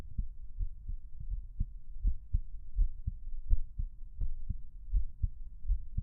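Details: Own heartbeat, quiet recording: soft, low paired thumps repeating steadily at around 80 per minute.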